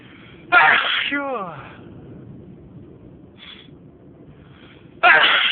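Two loud, explosive sneezes a few seconds apart, with a brief voiced sound after the first; plain sneezing.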